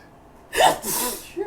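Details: Sharp in-breath, then a forceful, noisy burst of air: a single loud sneeze from a male with allergies, part of a run of massive sneezes.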